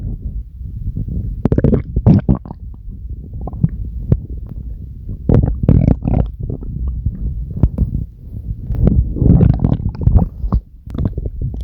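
Loud low gurgling and rumbling from the belly, coming in irregular waves; ordinary stomach growling.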